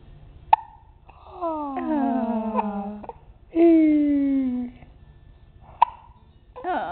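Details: Baby boy with recurring hiccups: two abrupt, sharp hiccups about five seconds apart, separated by drawn-out infant cooing sounds; ordinary infant hiccups.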